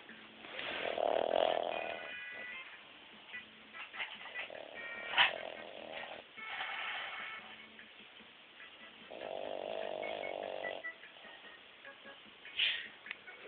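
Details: Boston Terrier about 7 months old, asleep: irregular snorting, rattling breath noises from a flat-faced dog, with faint music behind; snoring.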